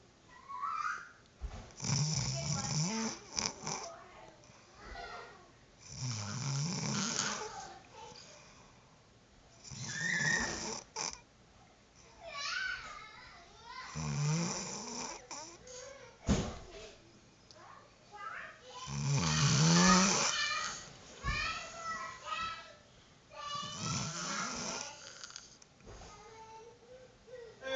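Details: Sleeping girl snoring loudly and rhythmically with rattling, raspy breaths at about 13 breaths a minute, going on for a long time without stopping.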